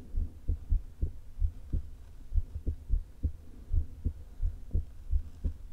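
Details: Woman with atrial fibrillation and a leaking heart valve, recorded before open heart surgery through a low-placed stethoscope: low heartbeats, unevenly spaced at roughly 100 a minute, an irregular rhythm, with stomach rumbles.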